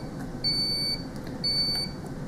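Two high-pitched electronic alarm tones about a second apart: ECMO console alarm during circuit priming with the auto clamp disarmed.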